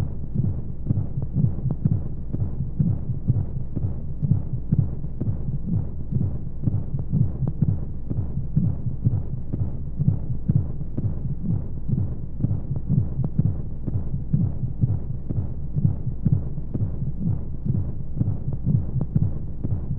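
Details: Womb-sound sleep aid for babies: steady muffled low thumps at roughly 125 a minute under a continuous whooshing rumble and white noise; heartbeat as heard inside the womb.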